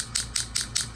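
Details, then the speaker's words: Low-level shockwave therapy on the right ankle for a partial lateral tendon tear with degeneration, frequency being increased near session end: sharp regular clicking pulses about five per second; shockwave device pulses. "we're just gonna bump up the frequency a little bit as everyone can hear it now and we're almost done here"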